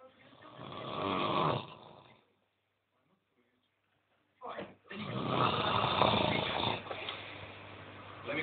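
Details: Sleeping man with heavy snoring: loud, harsh, rattling snores on the in-breath, separated by a long silent pause before the next.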